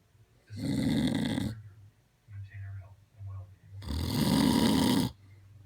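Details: Two long, loud, rumbling snores with softer breathing sounds between them over a low background hum; heavy snoring during sleep.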